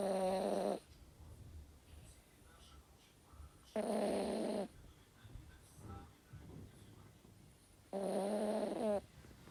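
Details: Sleeping toy terrier snoring: loud rattling snores with a tonal buzz, three in about ten seconds (roughly 18 a minute), with quiet exhalations between.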